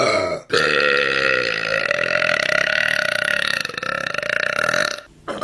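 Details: Woman burping: one long, loud, sustained belch with a rough, buzzing tone lasting several seconds.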